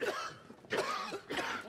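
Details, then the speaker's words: Acted drama scene: three harsh, throaty cough bursts in quick succession from an adult man; cough. "to have someone take a look at that cough, buddy. Cough?"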